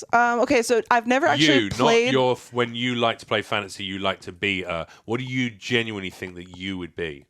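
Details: Adult speakers in conversation; ordinary conversational speech.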